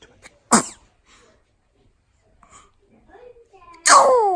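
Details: Two sharp sneezes from a one-month-old baby boy, with small breathy sounds between them; infant sneezing.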